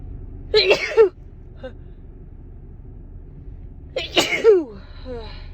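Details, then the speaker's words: Two forceful dust-allergy sneezes from a woman, each a quick indrawn breath then explosive release, a few seconds apart, in a quiet setting; she had to pull over in her car; tickling urge to sneeze again. Sneezing. "Excuse me. I think I have to sneeze again. It tickles."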